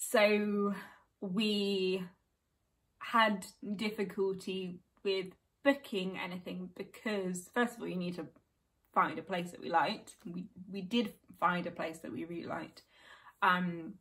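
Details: Adult woman with aphasia acquired after a stroke at age 18, about 14 years earlier; she reports that numbers and reading are difficult; real chronic post-stroke aphasia.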